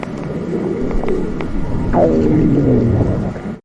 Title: Stomach Growling 💕💕